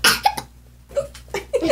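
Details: Sharp cough burst with abrupt voiced catches: a cough, hiccup and burp happening at the same time.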